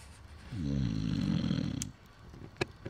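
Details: Man snoring outdoors at Vysokinskoe Lake on 15 August 2015, near a campfire being recorded: one loud, deep, rattling snore on an in-breath, followed by a short click; snoring.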